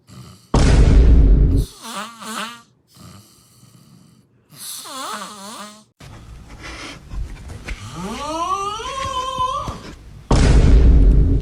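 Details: Real snoring from a funny snore compilation: two loud, rough, low rattling snores bracketing wavering, whistling, duck-like quacks and a rising whine during breathing.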